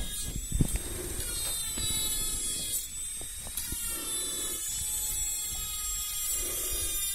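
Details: Simulated binaural dentist roleplay cleaning between the front teeth: high steady whine of a dental cleaning instrument with scraping and clicking; dental cleaning instrument sound.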